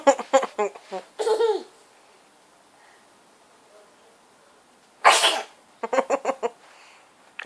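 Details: Person sneezing twice: two sharp, explosive sneezes, each preceded by quick catching breaths.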